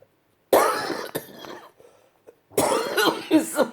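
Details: Harsh, explosive irritant coughing in two bouts with a throat-clearing quality in a wheelchair user struggling to breathe after inhaling dust and leaf debris blown by a leaf blower; cough.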